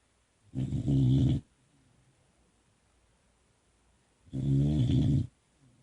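Two loud, rough, low rattling snores about four seconds apart in a quiet room; a young dog snoring.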